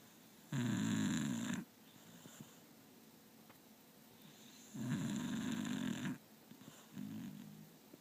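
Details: Loud, rough, rattling snores about every four seconds, roughly 14 a minute, with quiet gaps between; plain snoring.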